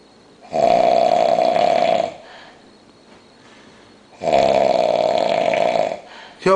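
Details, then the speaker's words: Loud, long, rasping snores about four seconds apart with quiet breathing between, from a man sleeping heavily while very drunk on New Year's, not woken by loud talking; heavy snoring. "yo this [ __ ] seriously what the [ __ ] yo [ __ ] you sound like a [ __ ] Toyota point8 your mouth nothing's moving man where the [ __ ] that sh coming out exhaust system"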